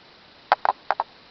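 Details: 10-year-old ragdoll cat coughing, only at night, several times a night, starting about a week ago, with no food or litter changes: four short, dry, hacking bursts in two quick pairs; cat cough.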